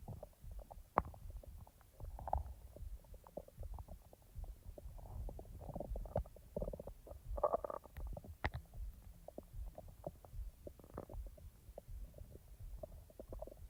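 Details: A person's own real stomach sounds, not recorded in real time: irregular gurgles, squelches and low rumbles from the belly, normal active bowel sounds (borborygmi).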